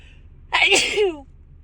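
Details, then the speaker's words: Female sneezing during one of two sudden, itchy, tickly sneezing fits on the drive home, now stuffed up and wondering about a cold; a single sharp, explosive sneeze with a voiced tail over quiet hum. "oh excuse me oh excuse me I have to sneeze again oh wow oh God oh my God I just can't stop sneezing oh excuse me wow"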